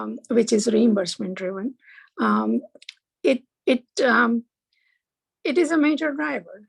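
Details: Archival recording of an adult man reading aloud within two years of a left-hemisphere stroke in Broca's area; expressive aphasia with paraphasias and poor reading ability.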